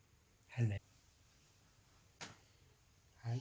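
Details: Baby who sneezes every morning: three short, sharp, explosive puffs of air in a quiet room; small sneezes.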